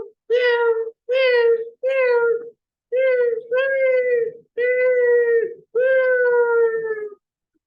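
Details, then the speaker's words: Newborn with cri-du-chat (cat cry) syndrome, caused by terminal deletion of the chromosome 5 short arm, with abnormal larynx and vocal cord development: repeated high-pitched, thin, mewing cat-like cries about a second each. "Therefore it is called as cry-do-chat syndrome or cat cry syndrome. So somewhat newborn child मध्ये या ठिकाणी असा आवाज येतो."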